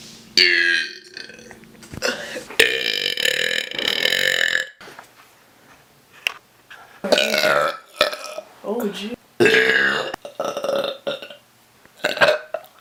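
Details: Brothers burping in turn: several long, loud voiced belches, some drawn out and wavering, with brief talk between them.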